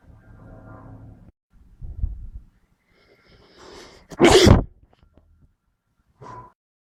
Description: Jus a couple of sneezes and some sniffles..